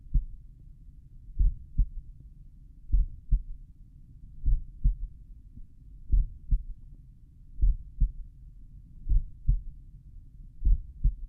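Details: Slowed-playback stethoscope recording at the mitral area of own heart, lying on back: deep paired thuds repeating steadily, with a low rumbling hiss between beats.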